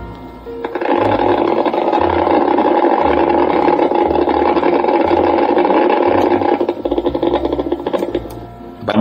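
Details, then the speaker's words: Needle EMG during minimal voluntary activation in a woman with chronic bilateral facial paralysis of two years; rough, crackly, rapidly repeating polyphasic motor unit potentials about 20 ms long, indicating chronic reinnervation. "vean ustedes potenciales con una duración tremenda y si estamos en una ventana de 10 milisegundos por división pero usted es que estos potenciales iniciando de acá hasta acá miden aproximadamente 20 milisegundos"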